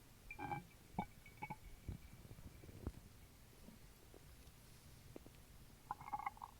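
Gurgling and bubbling stomach noises with scattered pops and squelches while drinking soda; ordinary active bowel sounds.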